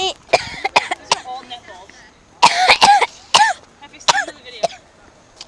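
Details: Cough heard during singing while being filmed.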